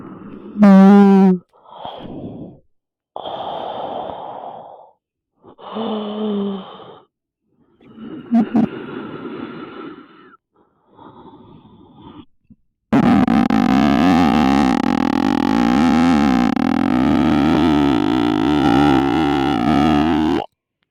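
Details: Male friend snoring while asleep with his microphone left open: rough, breathy snoring in short repeated bursts, followed by loud music.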